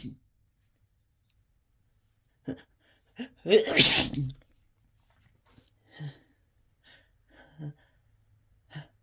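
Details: Sneezing induced by chhinkni sneezing powder: one harsh loud sneeze with short snorts and breaths before and after; induced sneezing.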